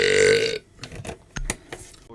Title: Streams Burps Compilation